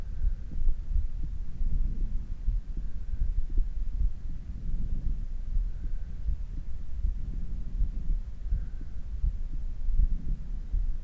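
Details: Human heart sounds after exercise via stethoscope: fast, steady, muffled low thumps gradually settling back toward resting rate; normal heart sounds.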